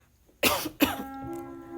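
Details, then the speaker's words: Night-time cough, two sharp harsh bursts in quick succession followed by a faint lingering tone, while the person goes to a shop to get cough medicine. "Lagi batuk guys temenin aku ambil obat di toko"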